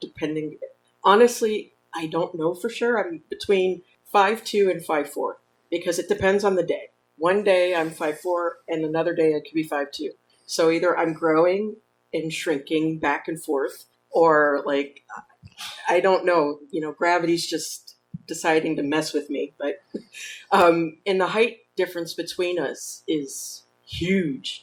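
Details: Adult woman speaking; normal speech.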